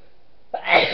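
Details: Single sneeze in a series of sneezes: a quiet pause, then a sharp inhaled catch and a bright explosive burst.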